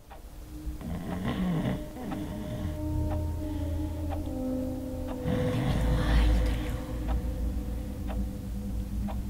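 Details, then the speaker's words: Simulated snoring in a staged comedy film scene with two men in bed: low snoring sounds under background music. "Cameron. Babe, you're snoring. It's not me."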